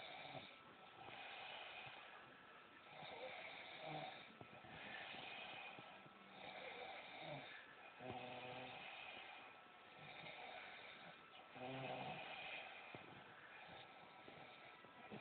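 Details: Rhythmic rattling snores, about 17 breaths a minute, with quieter pauses between breaths; ordinary snoring.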